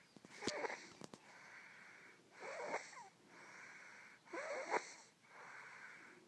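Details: Twins asleep with rhythmic noisy breathing, squeaky whistling bursts and softer hissing breaths at about 30 a minute: snoring.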